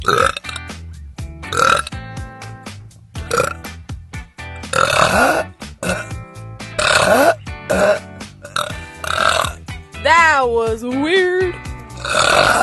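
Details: Girl burping compilation: several loud, drawn-out burps, one rising and falling in pitch, over background music; belching.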